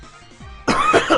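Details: Adult's really tickly, annoying coughs, lingering after a long chest infection; cough.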